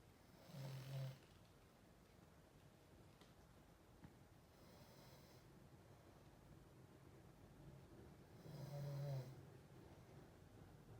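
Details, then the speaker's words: A sibling napping at midday: two loud, low, rattling snores about eight seconds apart, likened to a carpenter working next door, with quiet breathing and faint room noise between; snoring. "Ne bileyim tam anladık kereseciyiz ama yani daha doğrusu marangoz çalışıyor sanki yan tarafta."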